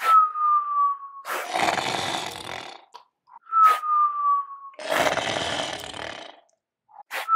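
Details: Simulated cartoon snoring in a stop-motion animation: a loud, rough inhaled snore alternating with a whistled exhale, repeating about every 3.5 seconds.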